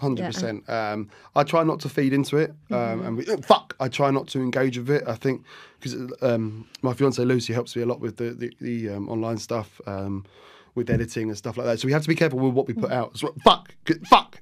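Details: Adult male barber with Tourette syndrome; motor tics began at 14 after a minor ski accident, involuntary vocal tics with swearing and random words 4–5 months later; vocal tics with coprolalia (Tourette syndrome).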